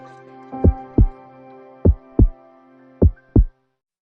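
Slow, steady paired heart thumps at about 50 a minute over soft music; a normal heartbeat.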